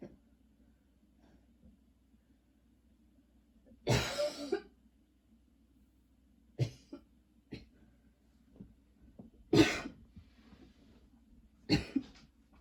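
Repeated harsh cough bursts in irregular spells with quiet gaps, about a dozen over several seconds, in a quiet room; a persistent cough.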